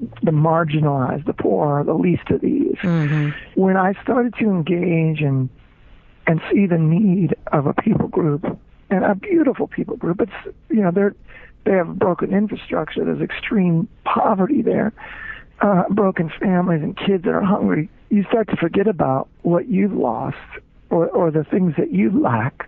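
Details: Spasmodic dysphonia, involuntary spasms of the muscles around the larynx, in an adult man, a former rock band lead singer, diagnosed with the condition, which left him unable to sing.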